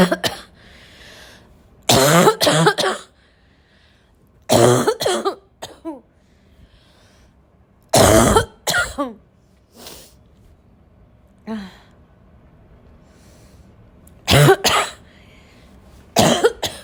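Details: An adult's intense barking cough that has returned: loud, harsh coughs in short clusters mixed with throat clearing and snorts.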